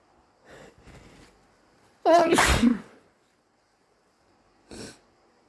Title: Wet induced allergy (?) sneezes